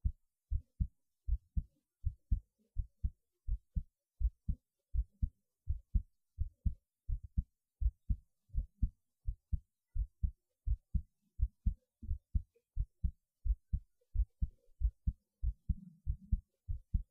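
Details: Steady paired low thumps at about 80 beats a minute, a regular normal heartbeat, recorded just after standing on the head.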